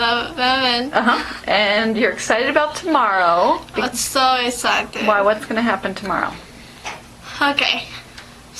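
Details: Adult female speaker, therapist; normal speech.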